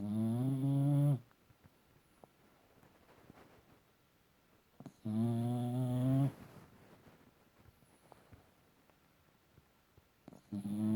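Loud, buzzing snores lasting over a second, about 12 a minute, with near-silent pauses between. Snoring in a sleeping small dog.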